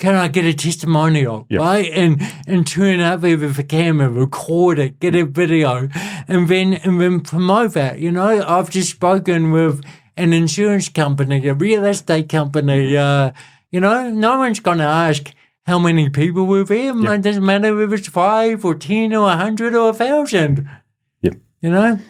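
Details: Adult man with cerebral palsy since birth, a lifelong physical disability affecting the body's movement system, speaking in real conversation; dysarthria (cerebral palsy).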